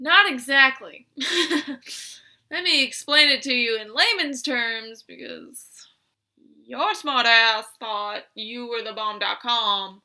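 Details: Woman with Tourette syndrome, coprolalia since early June, demonstrating a complex vocal tic arguing with herself about being a bird, with swearing; complex vocal tic with coprolalia (Tourette syndrome).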